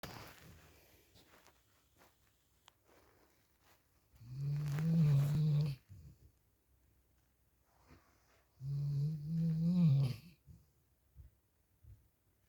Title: dog snoring